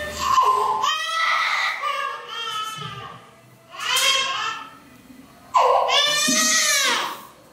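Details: Loud, distressed infant crying in repeated wails with short catches of breath, a frightened baby crying before going under anesthesia for surgery.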